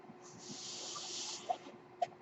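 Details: Speaker's own home mechanical ventilator running in the background while talking.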